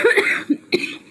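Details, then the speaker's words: Adult woman who has recently been sick: a short burst of about two coughs, a cough from recent illness. "y'all I've been sick that's why I haven't uploaded in a while"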